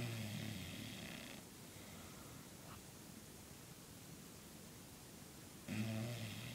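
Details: Snoring from an overweight dog in deep sleep.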